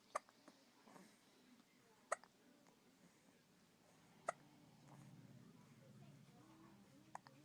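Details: 1-month-old infant (CJ) hiccups: four sharp, brief hiccup sounds about every two seconds in a quiet room.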